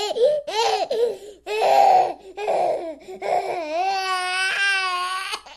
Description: Ten hours of baby crying. Test your nerves for strength)